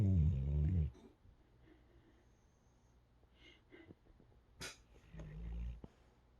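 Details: Sleeping dog exhausted after a weekend of running and training: deep rumbling snore, quiet breathing, small snuffles and softer snore; light snoring.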